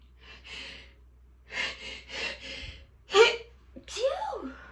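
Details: Several quick hissing breaths and suppressed, muffled sneeze bursts on waking, then a sigh-like voiced exhale; the sneezer then reports feeling dizzy. Stifled sneezing.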